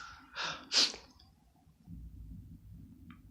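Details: A quick inhaled gasp, then one sharp, hissy burst, followed by quiet room noise; an acted sneeze from a comedy skit.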